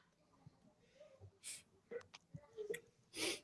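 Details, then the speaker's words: Two sharp, hissing sneezes a couple of seconds apart from an adult who says the pollen count is high and that they are having a sneezing pollen fit: sneezing. "They said the pollen is high and that might be what's going on with me. I'm having a a sneezing pollen fit."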